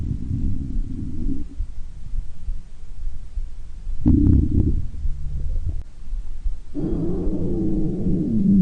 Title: stomach growling